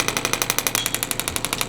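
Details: Fast, even tapping pulses, about twelve a second, from a handheld device; radial shockwave therapy applied to an adult male triathlete's left knee for low-level pain of a couple of years, about 5–7 of 10.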